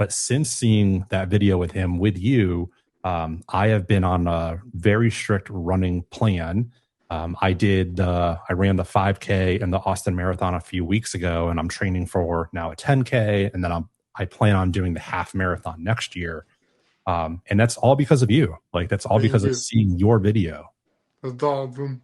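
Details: Adult male speaker; normal speech.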